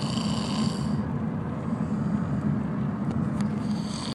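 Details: Person snoring: steady low rumbling, rattly breathing noise throughout.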